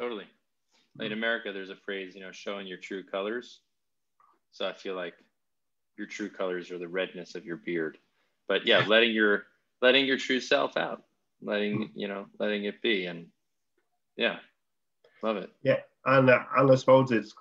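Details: Adult male speaker; normal speech.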